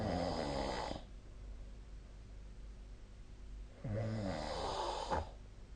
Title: 🐽 本日のイビキ / Snoring Sleep Sound 2025/04/10